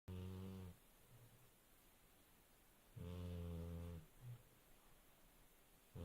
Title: Epic Dog Snoring.